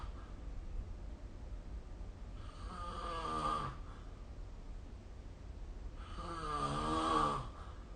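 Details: Two slow rasping snores with falling pitch, about one every four seconds, recorded with the SnoreLab phone app over steady low room hum; snoring.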